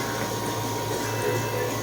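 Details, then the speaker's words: Steady mechanical hum and whir of a newly unboxed Owgels ZY603 home oxygen concentrator for an elderly father, running after switch-on in oxygen mode, delivering about 95% oxygen through a nasal cannula at an adjustable flow of 3 to 5. "Oxygen concentrator. Ayan. ZY603 Landa anak >> yan bubuksan na po ni commander yan tapos yon lalabas na siya may power na po."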